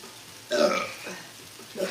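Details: Burping: a single loud, low, rasping belch with faint room noise around it.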